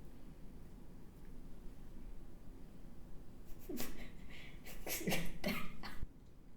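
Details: Quick sniffing breaths, then a few sharp, wet, spraying sneeze bursts over a low steady room rumble; the sneezer mentions house dust as a likely trigger. Sneezing.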